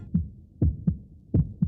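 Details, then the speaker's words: Healthy heart sound used in a hospital radio advertisement: regular paired lub-dub thumps about 80 a minute with no extra noises between beats. "This is the sound of a healthy heart but a heart that needs help needs a team that can act fast."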